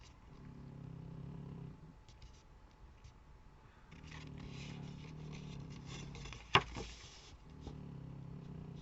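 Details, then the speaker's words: Sleeping pet gives loud, low rumbling snores likened to a tiger or a combine harvester, with paper and crafting noises nearby. "On dirait que j'ai un animal féroce derrière moi. J'ai un tigre. J'ai le tigre du Bengale derrière moi."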